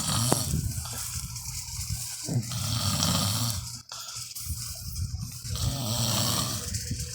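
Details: Loud, rough, rumbling snores over steady room noise, with a brief pause near the middle; ordinary snoring from a father, whose child asks if daddy's snore was heard.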